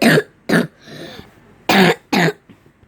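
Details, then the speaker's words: An adult gives four sharp, harsh cough bursts in two pairs with a faint breath between them, a cough blamed on eating too much candy. "Maaf guys, batuk."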